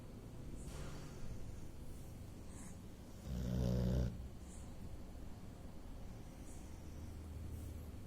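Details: Boxer dog snoring in its sleep, reportedly snores all the time: faint low rumbling breaths with one louder snorting snore amid room noise.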